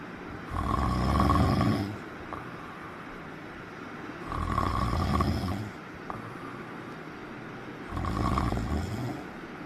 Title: Funny snoring #snoring #funnyvideo #foryou #duetfyp